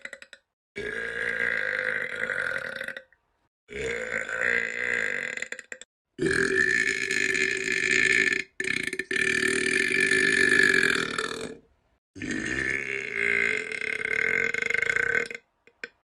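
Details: Four long, loud, drawn-out belches separated by brief pauses, in a quiet room; repeated burping.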